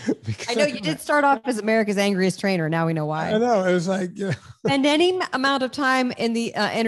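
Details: Adult speaker; normal speech.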